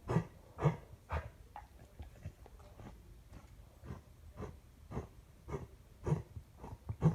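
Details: A dog gives two runs of short, harsh, huffing bursts, about a dozen in all, with quieter breathing between, in a small room: repeated coughing.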